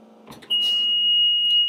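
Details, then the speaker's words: Brief rustle, then a continuous high-pitched alarm from a home oxygen concentrator signalling a power outage; it keeps sounding until the unit is switched off. "in the events of a power outage your concentrator will alarm like so"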